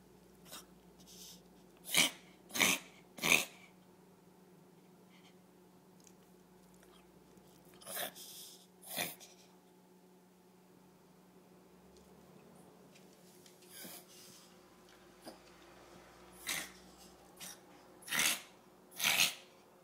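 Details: Yorkie dog coughing and sneezing: short sharp bursts of air, some in quick pairs and triplets, separated by quiet pauses.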